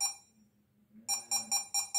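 An infusion pump gives a single beep, then a run of short, regular high beeps.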